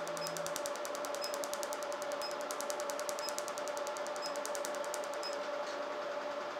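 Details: Rapid regular snapping clicks at about two per second over a steady device hum: a RevLite SI laser firing pulses during tattoo removal.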